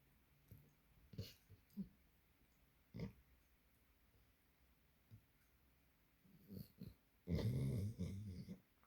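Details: Springer Spaniel asleep, blinking and twitching: soft irregular snorts and breathy noises ending in a longer rough snore-like breath; snoring.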